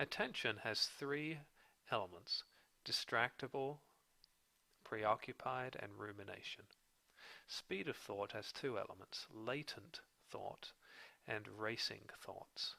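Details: Adult male narrator; typical speech.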